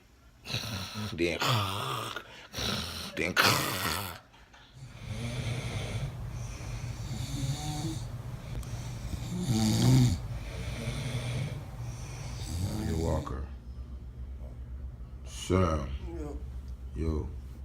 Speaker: so these mods snored like a band got two trumpet players in here battle of the snores